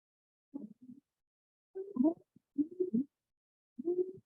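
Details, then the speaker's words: Croup in a child, a recording played in a paediatric EMS respiratory lecture: repeated bursts of harsh, honking upper-airway sounds, unlike wheezes, rhonchi or rales; children with croup often have a barking cough. "so that's a very you know kind of different sound than we would hear with wheezing or wrong guy or rail so just um and there's also like a barking cough that um children often display when they have probe"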